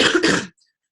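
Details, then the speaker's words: Single short, harsh adult cough lasting about half a second, from a person with a cold who says they have some respiratory issues. "as you can probably hear in my cough I have a little bit of some um you know little bit of respiratory issues going on right now"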